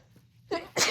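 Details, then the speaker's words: A quick breath in, then a sharp, explosive single sneeze from a woman during a sneezing fit after a massage in which menthol lotion was applied. "And like I did sneeze once while I was in there. I was able to keep it fairly small, but you know, I can't really stifle anymore."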